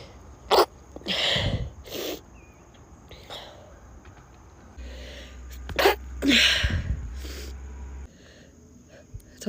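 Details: Girl gives two sneezes, each a sharp inhaled catch followed by a forceful burst of air, separated by a few seconds: sneezing.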